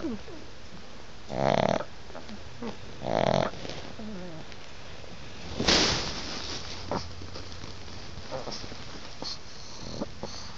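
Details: Pug snoring loudly until she wakes herself: harsh snorting breaths, two strong ones then a sharper snort as she stirs.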